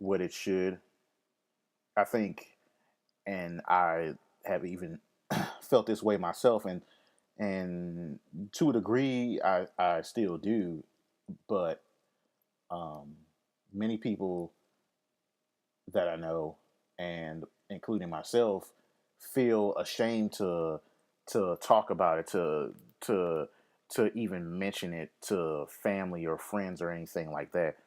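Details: Lifelong stammer that occurs occasionally, which the speaker links with anxiety, fear of public speaking and of crowds, and depression; stuttering.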